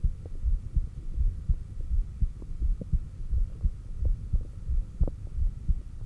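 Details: Normal heart sounds recorded at the apex during exhaled (stomach vacuum) and inhaled breath-holds, with an oximeter in use: steady low thumps at about 85 a minute over a faint steady hum.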